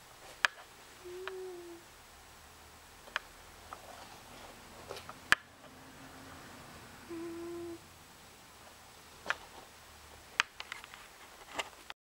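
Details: Cat named Chloe, slow breathing with a soft whistling hum on some breaths; owner unsure whether it is snoring or wheezing.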